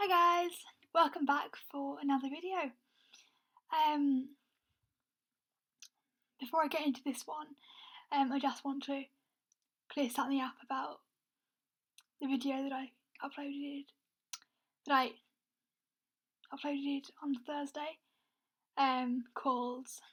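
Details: Adult woman with a stammer, speaking with long pauses mid-sentence; stammering (stuttering).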